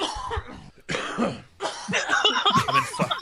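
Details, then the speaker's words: Middle-aged man who says he is sick and suspects walking pneumonia gives about three harsh, noisy coughs, the last running into voiced, laugh-like sounds. "oh [ __ ] I sound awesome I'm pretty sure I've got like a walking pneumonia or something enough to where every [ __ ] isn't an emergency he's [ __ ] kidding me I'm sick or something man"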